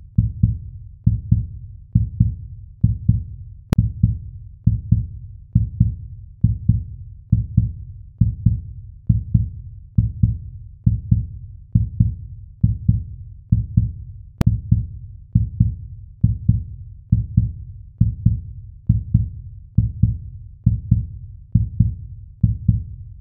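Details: Steady, deep heartbeat thumps in lub-dub pairs, about 67 beats a minute, in a quiet background: heartbeat.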